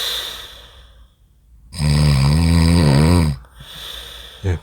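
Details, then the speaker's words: A single loud, deep, rattling snore on an in-breath with quieter breathing around it, from an adult man in deep sleep in a hotel room around 11 pm whose extremely loud snoring repeatedly startles himself. "님의 코 고는 소리를 녹음하게 됐습니다 [음악] 굉장하죠 지금은 자기 자신이 코고는 소리 놀라고 [음악] 놀란 상태입니다"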